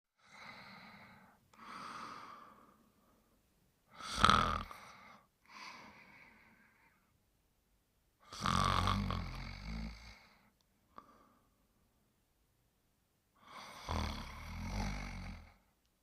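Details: Snoring during sleep: slow, uneven breaths with rough, rattling inhalations and softer exhalations, about four breath cycles in sixteen seconds.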